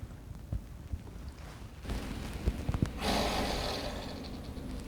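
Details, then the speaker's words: Patient in cystic fibrosis airway clearance therapy with an Aerobika oscillating PEP device: a deep breath in held about three seconds, then a long fluttering exhalation of five to six seconds. One cycle of six sets of 15 breaths. "make sure she exhales long enough for about five to six seconds with each breath and she's going to do six sets of 15 breaths like that so she's going to demonstrate one of those cycles for us"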